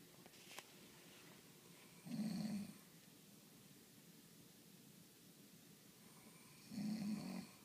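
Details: Person snoring: two low, rattling snores about five seconds apart, roughly 13 a minute, over quiet room noise; ordinary snoring.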